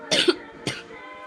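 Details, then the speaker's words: Two short, dry cough bursts about half a second apart from a sick adult who stayed home ill, with a faint steady background hum. "obviously coughing and i felt really sick so i was like staying home"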